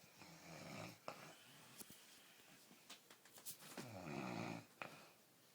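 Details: Adult man asleep who denies that he snores: two low, vibrating snoring breaths with small snorts and clicks between them in a small room, louder near the end.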